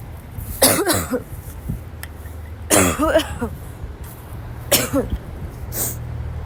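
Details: Sick girl, ill since waking, has a violent coughing fit in class that forces her to leave, unable to stop. Repeated harsh, forceful, rough throaty coughs in clusters over background hum. Tagged dry, barking cough and wheezing.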